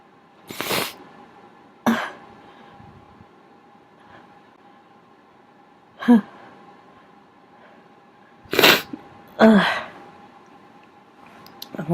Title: more big sneezes and lots of rambling